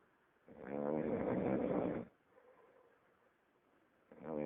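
A long, rough, rattling snore on the breath in, then quiet, then the next snore begins.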